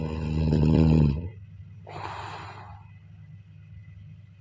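One loud, rattling inhaled snore, then a softer breathy exhale over a low room hum; typical snoring.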